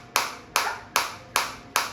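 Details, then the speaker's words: Focused (not radial) shockwave therapy device, penetration depth up to 7 cm, demonstrated on the operator's own body at intensity about 8 of a possible 15: sharp, evenly spaced snapping pulses about 2.5 per second, felt deep in the tissue rather than at the surface. "और decrease काफी अच्छी intensity आ रही है और मेरे बहुत अच्छे से अंदर देखो सरफेस से हिट नहीं कर रही है मेरे को अंदर फील हो रही है"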